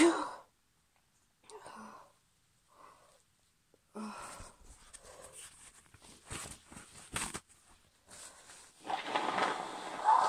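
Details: Female with hay fever, sneezes partly induced: catching, breathy inhalations followed by several abrupt sneezes in quick succession.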